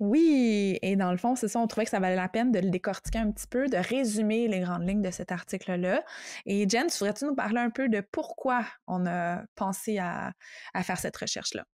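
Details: Adult woman speaking French; fluent speech.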